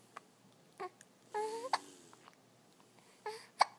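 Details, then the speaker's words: An infant boy's hiccups: brief, sharp catches a few seconds apart, some followed by short fussy cries, in a quiet room. "[Music] ah [Music] oh somebody's got the hiccups yuck"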